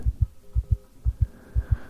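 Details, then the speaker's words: Simulated: quick, regular two-part heartbeat through a stethoscope, about 120 a minute, in an acted ASMR roleplay of a patient who was shot, lost consciousness and was defibrillated; called quite fast: tachycardia. "That's quite fast, actually. I mean, I guess that is to be expected, though. You did just get shot."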